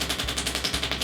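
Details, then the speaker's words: Radial shockwave therapy applied to quadriceps, IT band and knee ligaments of a patient with patellofemoral arthritis knee pain, after focused shockwave: rapid sharp clicking pulses, about fifteen per second, over a low hum. "we're going to move on to radial shock two different devices one is not better than the other they're just different and this is going to be applied to some of the muscles that go into"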